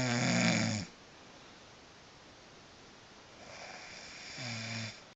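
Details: Snoring in a sleeping woman that keeps her bed partner awake: loud, rough snoring breaths with a fluttering rattle, separated by a few seconds of quieter breathing.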